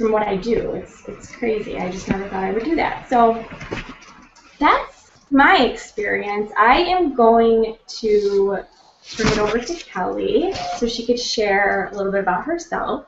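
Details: Adult speaker; normal voice.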